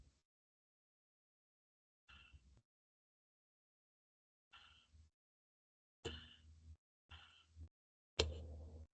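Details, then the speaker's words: Normal resting breathing (eupnea) as a baseline before abnormal patterns: quiet, even breath sounds at a calm, unhurried rate with no effort or added noises. "Primero, se debe estar familiarizado con el patrón de respiración normal y esta será la línea de base para el aprendizaje de esto y se escucha algo así."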